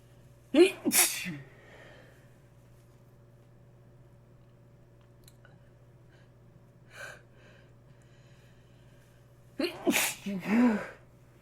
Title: Congested Sneezing